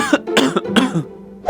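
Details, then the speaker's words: Adult man, acted scene, giving a run of short, harsh, dry coughs with faint music behind: dry cough. "Lu dari tadi batuk mulu nih."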